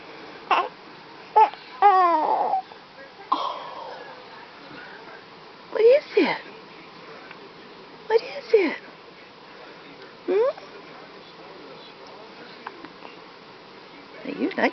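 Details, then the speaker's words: Hiccups in an infant girl: short, abrupt voiced jerks every few seconds, each with a little squeak, mixed with soft baby sounds. "Got them stinking hiccups. Yeah. Them stinking hiccups."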